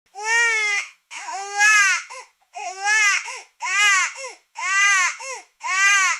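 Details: Newborn baby cry sound effect: loud, high-pitched crying in repeated wails about once a second, each separated by a brief catch of breath.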